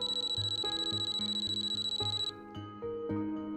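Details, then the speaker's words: Dual Pex electronic apex locator during root canal length measurement: rapid progressive-rate beeps, a solid tone when the apex is reached, then a warning sound once the file passes the apex; over-apex warning. "when the apex is reached the beeps change to a solid tone if the apex is passed a warning sound is activated"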